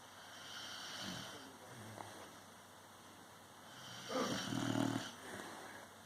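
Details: Sleeping dog named Roxy snoring with low, rough, rattling breaths against quiet room noise.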